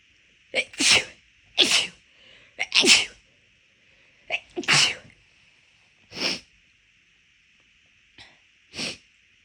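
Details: Induced sneezing while the nose was already bothering the person midway through a walk. A series of about nine forceful, explosive, rapid, big sneezes in quick bursts, several with a sharp inward breath before.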